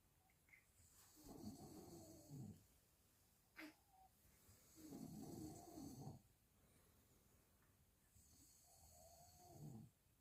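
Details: Three slow, rough inspiratory snores over about ten seconds, roughly 18 breaths a minute, with quiet room noise between, from a father beside a newborn baby kept awake by it; ordinary adult snoring.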